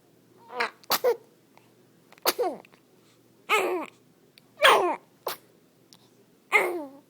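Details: Newborn on day 11 of life: several short, high, explosive sneezes with brief pauses, some followed by small whimpers; sneezing.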